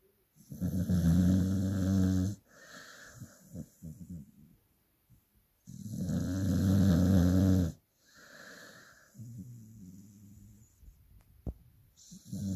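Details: Dog snoring loudly: loud, rough, low snores alternating with quieter exhalations, roughly 11 breath sounds a minute; heavy snoring in a sleeping dog.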